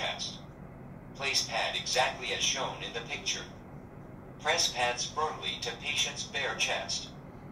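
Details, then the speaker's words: Automated external defibrillator voice prompts after pads are applied: "analyzing heart rhythm, do not touch the patient, shock advised, charging, press the red flashing button", step-by-step rescue instructions from a training demonstration. "analyzing heart rhythm do not touch the patient shock advised charging do not touch the patient press the red flashing button"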